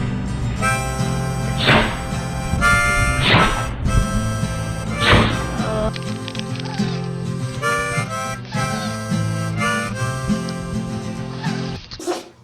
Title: Sneezing Dogs